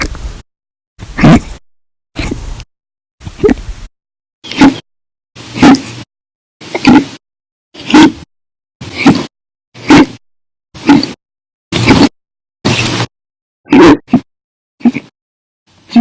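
Fourteen sharp, abrupt gulping hiccups, roughly one per second, fairly loud and repeating steadily.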